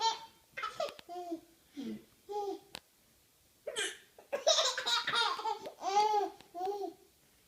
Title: Hiccups baby laughing